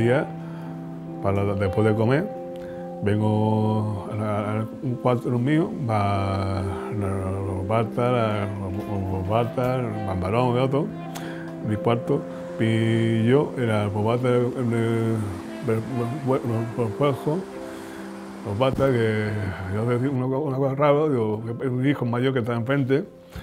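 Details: Aphasia in a man, speaking some time after its sudden onset, when at first he could not talk at all; paraphasias and agrammatism heard.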